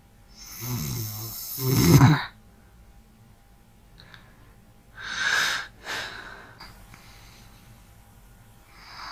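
A loud, rattling snore, then softer hissing breaths in a quiet room; snoring with light breathing.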